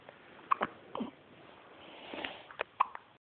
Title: Baby hiccups